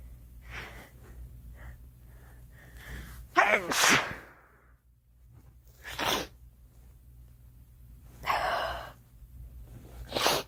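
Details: A girl sneezing: short breathy lead-in sounds, then four sharp explosive sneezes a few seconds apart; repeated sneezing, followed by "Ouch!".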